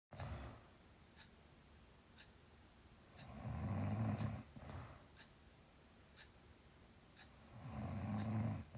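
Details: Pregnant woman snoring while asleep with her mouth open: low, rattling snores on each in-breath, about 14 breaths a minute.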